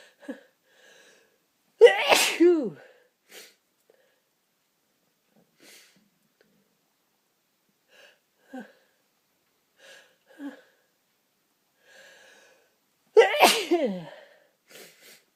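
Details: Person with a tickling nose: two loud sneezes, each a sharp burst with a falling vocal tail, faint sniffs and quiet breaths between, silent room; sneezes.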